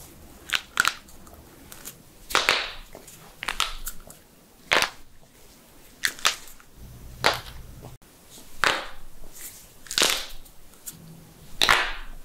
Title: Knuckles Cracking Sounds